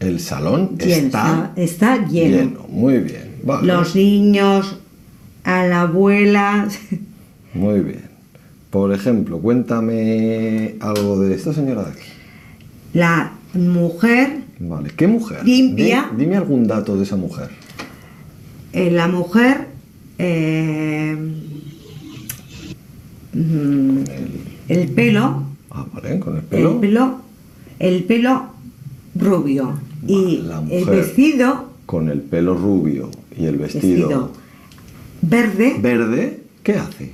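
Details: Adult male with ischaemic infarct caused by an operation; fluent speech with meaningless and invented words, preserved intonation, impaired comprehension: Wernicke's aphasia.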